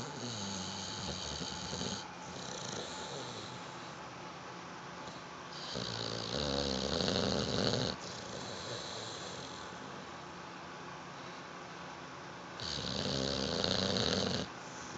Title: snoring dog sleeping like humans